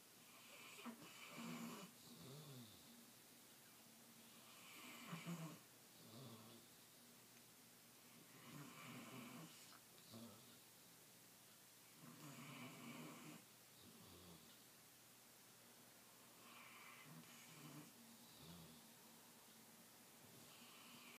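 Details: Snoring during sleep on a blanket: soft, rattling snores with each breath, roughly 16 a minute, in a quiet room.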